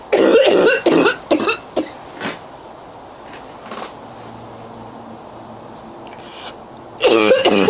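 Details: A coughing fit in a girl: a burst of five or six harsh coughs in quick succession, a quiet pause, then another run; afterwards she says she cannot catch her breath.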